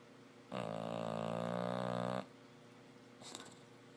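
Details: Female Bulldog snoring loudly while asleep: one long, loud, buzzing rattle on a breath lasting almost two seconds, then a softer snuffle.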